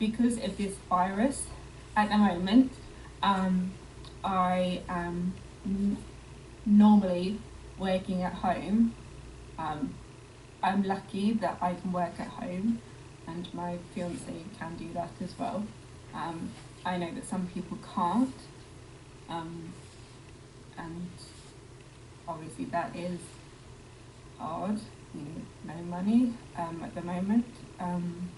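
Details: Adult woman with Broca's aphasia 11 years after a stroke; Broca's aphasia.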